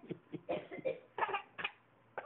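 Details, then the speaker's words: A young child with a cold gives a run of short, voiced coughs, about six or seven bursts in quick succession: bad cough. "oh you got a bad cough don't you oh you got a bad cough don't you"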